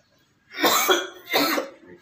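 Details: Adult performs two harsh, noisy coughs in quick succession as acting for a comedy skit, not a real illness; cough.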